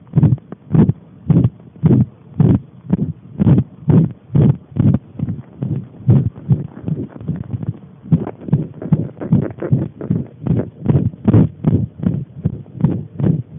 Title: pressed heart